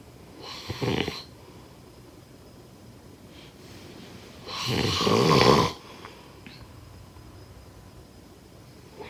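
Two loud, rough inhaled snores about five seconds apart, with quiet breathing between them.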